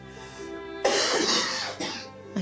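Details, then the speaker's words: A patient with a chesty productive cough that keeps them awake, phlegm felt stuck but hard to bring up, gives two harsh, loose cough bursts during a GP consultation. "chesty cough productive what you mean productive coughing stuff like oh yeah I can't get it up that's the problem"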